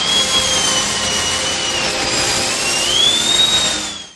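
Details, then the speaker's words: Dentist drill sound used in a wrestling theme song for a dentist character, with a quiet violin barely audible underneath: steady, piercing high-pitched whine rising and falling slightly in pitch. "yep that's the sound of a dentist drill there is a quiet violin in the background but you can barely hear it over that drill"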